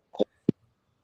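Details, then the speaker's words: Two abrupt, short voiced gulps about a third of a second apart: hiccups that came on suddenly in a speaker during a late-night chat. "geographically actually hearing the hiccups you hear them they just came on it just came out of nowhere"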